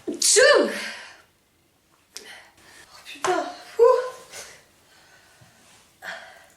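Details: Woman in a long sneezing fit of about 46 sneezes, saying her nose stings, later blowing her nose: a loud sneeze with a sharp intake before it, then smaller sneezes and sniffles.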